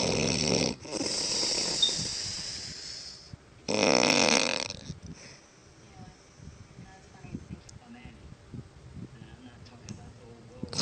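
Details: Loud snoring: two long, loud, harsh breaths with a rattling quality, then quieter noisy breathing.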